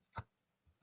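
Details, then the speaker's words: A female pet dog, sound asleep, snoring loudly: one brief, low snorting breath, then a faint, softer puff. "The pooch is snoring. That is my adorable little pup. She is knocked out, snoring so loud."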